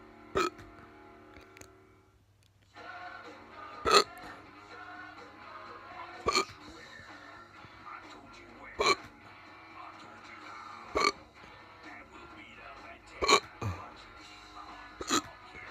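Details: Very fast, non-induced hiccups: seven sharp hiccups about every two seconds, roughly 27 per minute, over background music.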